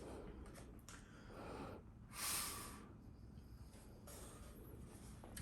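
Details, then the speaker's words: Brief, sharp, forceful exhalation into a peak flow meter mouthpiece during a medical assistant's demonstration, one of three tries with readings of 160, 200 and 170; airflow judged normal, with no lung problems. "your mouth on the mouthpiece i want you to exhale through this mouthpiece you got it let me do this for three times okay"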